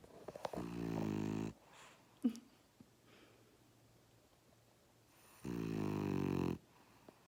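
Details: French Bulldog asleep in owner's lap, snoring: two loud, buzzing, rattly snores about four seconds apart with small snuffles between.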